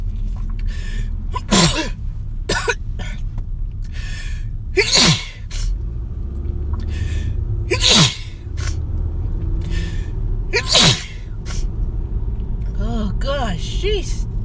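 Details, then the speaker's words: Four sharp, explosive sneezes about three seconds apart, each with a quick intake before it, over steady background noise; person says they are sneezing, then coughing; sneeze. "Oh, God. Why I got cough first? I'm sneezing. Now I'm coughing."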